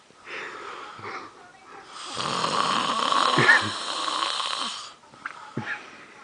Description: he wouldent stop snoring. so freggen loud, ima kill him i couldent sleep...